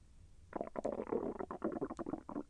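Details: Bubbling, gurgling rumbles in quick irregular runs: bowel sounds from moving gas and fluid during digestion; intestinal movement felt slightly painful.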